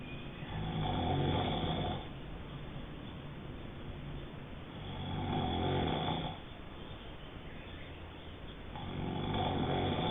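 Long, low rattling snores on each in-breath with quieter breathing between, about 15 per minute: steady snoring in sleep.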